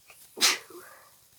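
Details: Sneeze during a cold with a very stuffy, congested nose and a deep nasal tickle: a faint indrawn breath, then a single sharp, hissing sneeze that fades quickly.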